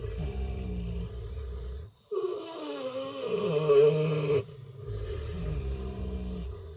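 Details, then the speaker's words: Kunekune pigs snoring while sheltering together in their shelter during snowy, icy winter weather. "This is pretty much exactly where they're staying right now. I think you can hear them snoring in there."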